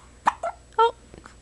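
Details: Baby with hiccups, sitting and trying to smile: short, voiced gulping catches in a quiet room, each hiccup with a small vocal sound.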